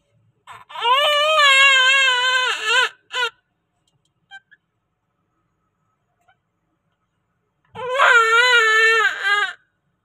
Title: Newborn baby after birth delivery C section |Beautiful So hundsome baby girl 💓😱#shortvideo #cute